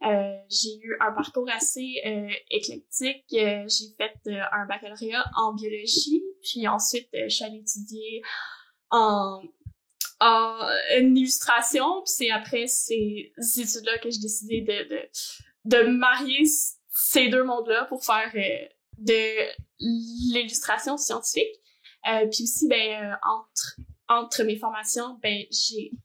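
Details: Adult woman who stutters and also has ADHD, and has had speech-language therapy; stuttering.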